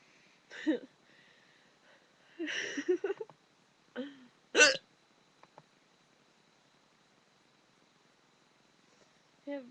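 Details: Person describing their own "burping hiccups": five abrupt, voiced, burp-like hiccup sounds at irregular intervals in a quiet room, hiccups with a belching quality.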